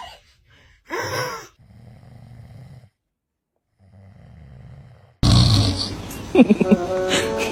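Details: Dad snoring: low rattling snores on two breaths after a snort, then a baby's fussing cry and movement noise; ordinary snoring.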